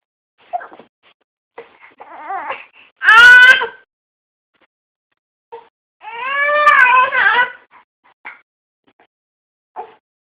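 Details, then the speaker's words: Infant with hiccups crying: two brief fussy cries with soft whimpers and short catches between them, in a quiet room. "You have hiccups? got the hiccups."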